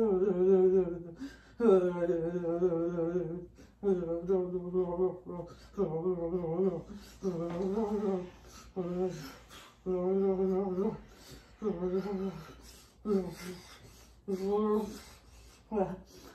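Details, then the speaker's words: Conscious motor seizure preceded by nausea and face stopping working; involuntary strained, wavering voiced groans in rhythmic bursts with brief gaps and garbled speech, vocalizations during a conscious motor seizure. "i told her i was about to have a seizure cause i can tell it's gonna come on because i get nauseous and my face stops working"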